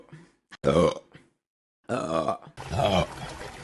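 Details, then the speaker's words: Burping deliberately while chatting, apologising between burps: several loud, voiced, low gurgling belches in a row, separated by short pauses. "Sorry. Thanks. I'm going to burp."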